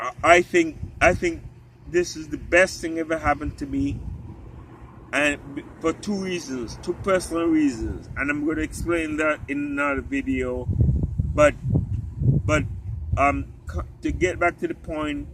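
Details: Ataxic dysarthria in an adult man with genetic spinocerebellar ataxia type 3 inherited from his father, affecting walking, talking, swallowing and muscles; his doctor said a time will come when he can't speak; uses a wheelchair.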